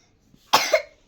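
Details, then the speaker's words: Sick child with cough and cold, coughing just after nebulizer treatment while studying: a single short, forceful cough in a quiet room. "देखो कितनी खांसी आ रही है।"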